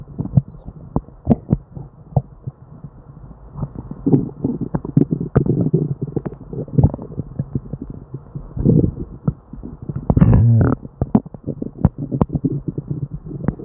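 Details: Person with diarrhea and an upset stomach: frequent loud gurgles, pops and rumbling with almost no pause; hyperactive bowel sounds (borborygmi).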